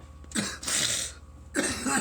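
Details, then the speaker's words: Two harsh, throaty coughing bursts in quick succession during a prolonged coughing bout after a large bong hit of cannabis; irritant cough after smoke inhalation. "I think I hear few one coming it's not over"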